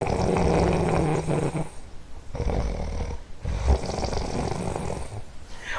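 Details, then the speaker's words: Loud, low rattling snores in repeated bursts separated by quieter breaths, from a person snoring; snoring. "અને ઘણા લોકો આ સમય દરમિયાન અવારનવાર આ નસકોરાના અવાજથી કંટાળી જતા હોય છે"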